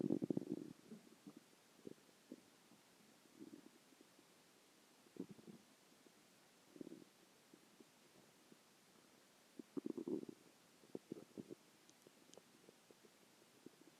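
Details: Stomach growling: quiet, intermittent gurgles and low rumbles in several soft bursts in a quiet room, ordinary bowel sounds (borborygmi).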